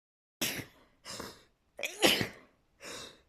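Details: Uncontrollable sneezing with nose blowing; four sharp, explosive sneezes in quick succession, each a hissing burst of air from the nose and mouth.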